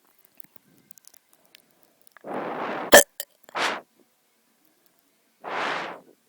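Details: Person with hiccups breathing on the camera: a sharp hiccup click between breathy exhalations close to the microphone.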